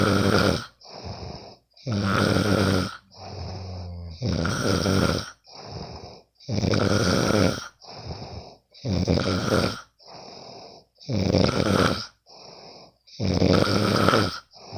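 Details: Sleeping friend recorded; loud, rattling snores on each in-breath with softer out-breaths, steady rhythm about 13 breaths a minute; ordinary snoring.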